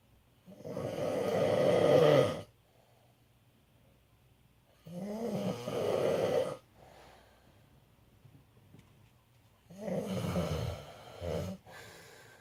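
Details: An adult man (father) snoring in sleep: loud, rough snoring on each in-breath, about three snores in twelve seconds, with quiet pauses between.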